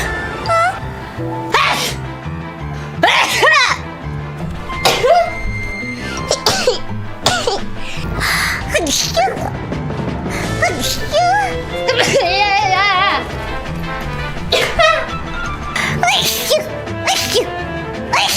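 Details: Compilation of several short sharp sneezes from hololive VTubers during 2025 streams, cut together with music and chatter underneath.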